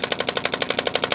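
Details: Rapid, regular hammering clicks at about 12 pulses a second from a radial shockwave therapy device, applied to the shoulder muscles (scapula, deltoid, trapezius) during a follow-up treatment for shoulder pain.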